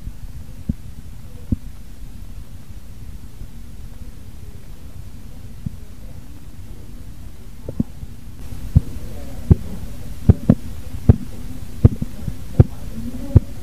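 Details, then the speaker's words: Korotkoff sounds heard while a blood pressure cuff deflates during manual measurement. "sekarang coba dengarkan dengan tenang bunyi korotkoff"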